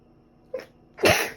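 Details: One sharp, explosive sneeze after a short intake; from a two-day record of sneezing thought probably due to dust allergy, alongside a recent cold with ongoing cough and runny nose.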